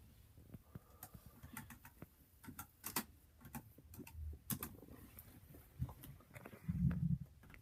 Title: Stomach growling for 2017